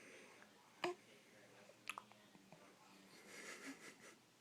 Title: Hiccups!!